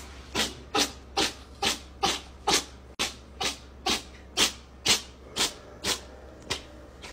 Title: Cat: Intense Sneezes #Shorts (See Description)